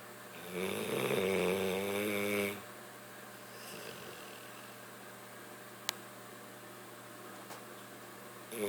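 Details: Sleeping bulldog snoring: one long, loud, fluttering snore, then quiet breathing and a faint second snore; noisy flat-faced dog snoring.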